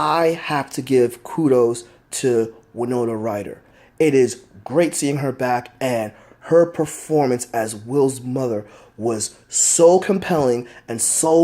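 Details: Stuttering in an adult man who says he has a stutter that is easily heard.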